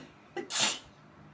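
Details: Single sneeze on a balcony: a brief indrawn catch followed by an explosive burst of air; sneeze.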